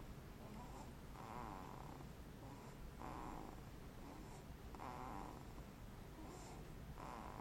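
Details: Snoring during sleep: soft, rhythmic rasping snores about every two seconds over a steady low room hum; light snoring.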